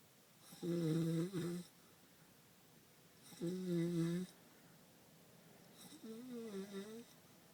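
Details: A male cousin with some kind of sleep disorder, who falls asleep anytime and anywhere, snoring: three long, tonal, buzzing snores, about 22 a minute, with quiet pauses in a small room.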